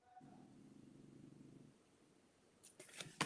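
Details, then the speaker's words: A single low, fluttering snore of about a second and a half, then a few soft clicks, from the speaker's male dog snoring nearby during a live session. "If you can hear snoring, that's my dog snoring, so it's not me."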